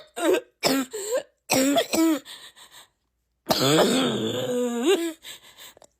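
Series of short voiced coughs and throat clearing from different people, with a longer rough, voiced cough-clearing sound.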